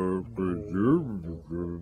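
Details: Non-fluent aphasia imitated by a clinician, portraying a patient with a paralysed right hand.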